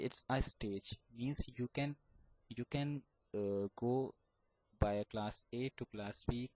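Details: Adult male final-year computer science student who has stammered since age 5 and still stammers; stuttering.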